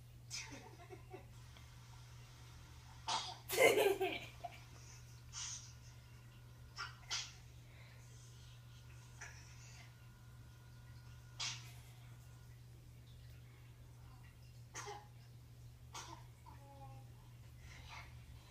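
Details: A sharp infant sneeze, then softer sneezes and small vocal sounds over a steady electrical hum.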